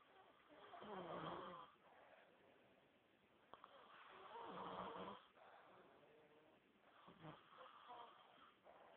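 Slow, rough snoring breaths about 17 a minute from a sleeping bear, with faint room noise.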